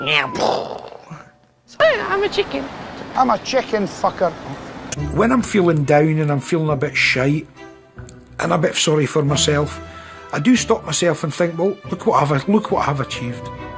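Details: Involuntary vocal tics, including swearing outbursts, in a Scottish man with Tourette syndrome.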